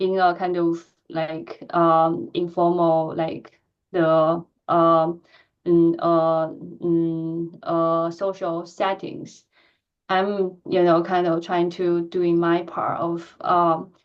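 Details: Stuttering in an adult woman who stutters, with repetitions and filled pauses; she reports physical tension when talking.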